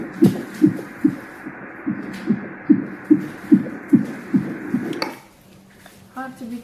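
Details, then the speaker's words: Fetal heartbeat on 4D/anomaly ultrasound of a baby boy: rapid regular whooshing pulses, rate 148 per minute, regular and within normal range; normal fetal heartbeat. "is regular and the heart rate now it's 148 and this is within normal range"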